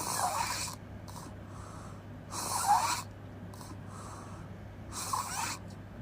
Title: Open mouth crazy snoring noise🙆‍♂️